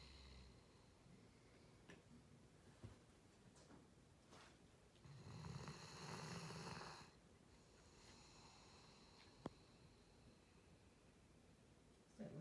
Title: Male Rhodesian Ridgeback snoring